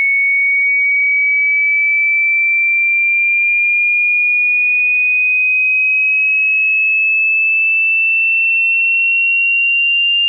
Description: Watch Hearing Test and listen very carefully using headphones. The video displays audio frequencies that are being played.